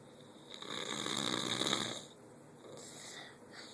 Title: The snore